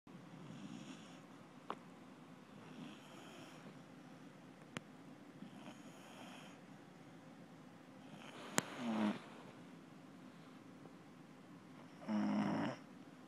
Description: Truman the Wonder Beagle snoring.